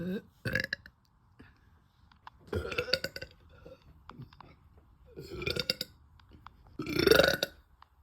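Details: Female, bloated: four big, loud, rumbling burps after eating, separated by brief quiet pauses; repeated belching.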